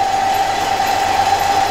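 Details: Suction machine running during a nursing demonstration of airway suctioning procedure, catheter in NaCl, tested before use on patient: steady unbroken motor hum with constant mid-pitched whine.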